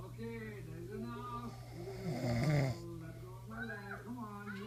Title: Hubs snoring